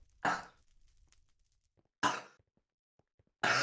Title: can't stop coughing